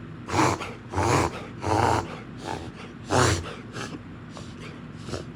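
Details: Black Labrador, Ranger, with kennel cough, likely caught at the groomers: a run of four harsh honking coughs with snorting breaths between.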